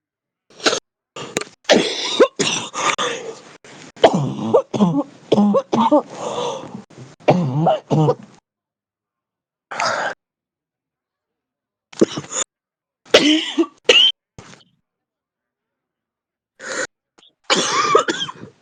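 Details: Real heavy smoker's cough: adult's deep, harsh, chesty, intense coughing fit with throat clearing.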